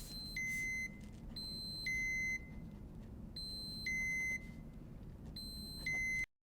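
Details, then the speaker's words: Four repeated high-pitched double-tone beeps about two seconds apart: Infinity EnteraLite Orange enteral feeding pump alarming while running during a child's feed; pause it, note the message, check tubing for air bubbles, kinks or bends. "If the pump alarms, while running, press pause and write down the message"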